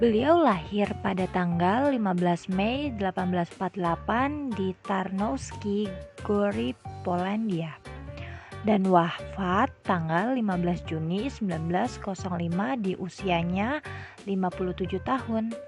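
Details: Adult narrator; normal speech.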